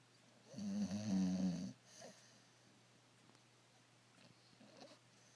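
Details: Bulldog snoring during an afternoon nap: one loud, rattling snore on a breath in, then quiet breathing in a small room.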